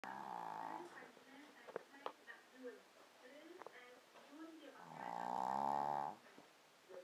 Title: Snoring